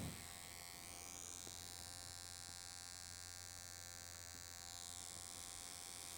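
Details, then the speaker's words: Continuous high-pitched motor buzz with a low hum: a microneedling pen working over facial scars during a CMCA peel and microneedling scar treatment; needle vibration and prickling said to cause scar subcision. "This is the most effective device if it comes to scars treatment. It's not only the prickling of the scar, but the vibration um caused by the pen and the needle are causing subsision of the scar."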